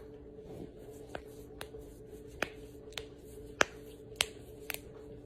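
About eight sharp, isolated pops over five seconds: knuckle joints cracking, in a person with Ehlers-Danlos syndrome.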